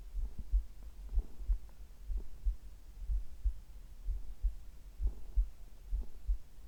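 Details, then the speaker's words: Heart sounds recorded at the same time as stomach sounds; slow, soft heartbeat of dull paired thumps at about 60 a minute with faint body rumbling underneath. "心音はゆっくり聞こえたでしょうか。"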